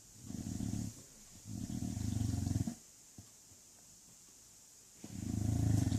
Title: English bulldog snoring igor